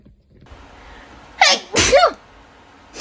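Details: Woman blowing her nose and sneezing, recorded around corona: a sharp breath in, then a loud two-part sneeze over faint room noise; an ordinary sneeze.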